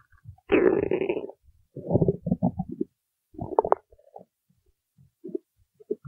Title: stomach growling while singing